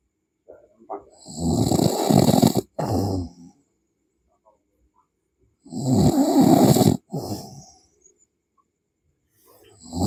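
Loud, rough, rattling snores on each breath in, with a short snort after each and silent pauses between; heavy snoring.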